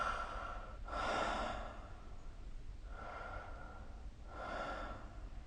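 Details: Light snoring during sleep, recorded with the SnoreLab app: soft, airy snorting breaths with rough flutter on inhaling, two breath cycles over steady room hiss.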